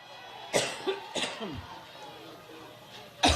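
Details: An adult woman coughing repeatedly on stage while starting a Labor Day speech in Cleveland, Ohio; she blames allergies. Sharp, repeated coughs and throat clearing between pauses over crowd noise, a prolonged coughing fit.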